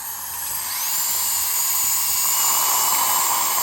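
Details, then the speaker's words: Steady high-pitched whine of a high-speed dental drill with a fine flame diamond bur, cutting a crown preparation margin 0.2 to 0.3 mm below the gum line. "I'm going to use my flame Diamond which looks just like my flame Diamond course but it's fine it's red stripes and I'm going to drop this down about 0.2 to 0.3 below the gum line"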